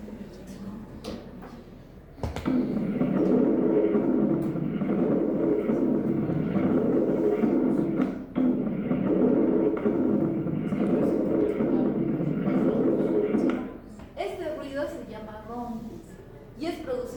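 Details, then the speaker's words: Rhonchi in acute or chronic bronchitis: coarse, low-pitched continuous rumbling through two long breath phases as air passes bronchi filled with mucus and secretions, like a snore in the chest; brief voices or noise follow. "Entonces el momento de entrar el aire pasan a través de esas tubuladuras llenas de moco de secreción y va a sonar como"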